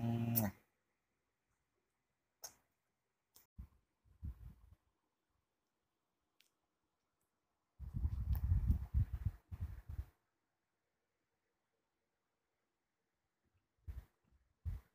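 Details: Several short, rough cough bursts, including a cluster of repeated coughs, in a quiet room at night from someone with sore, painful-to-swallow throat, shortness of breath and possible throat inflammation, keeping them awake; some phlegm possibly produced.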